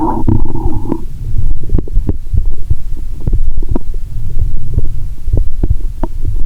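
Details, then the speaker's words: Loud, frequent gurgles, pops and rumbling through a stethoscope over the belly, near the navel, lying down after cola with Mentos; a loud groan about every 2.3 seconds: active bowel sounds from gas and fluid. "Stethoscope की आवाज में लगभग कोई cut editing नहीं है। लगभग हर 2.30 सेकंड में एक बार, आपको एक तेज़ कराह👂 सुनाई देगी।"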